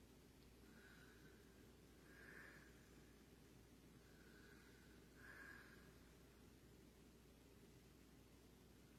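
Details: Quiet, regular snoring from a father, about 19 breaths a minute, each a soft whistling draw then a louder nasal snort, over steady room hiss.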